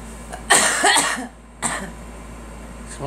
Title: Girl coughing